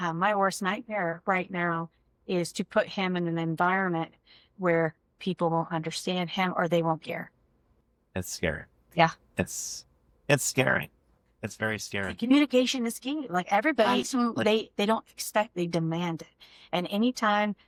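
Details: Adults in conversation; fluent speech.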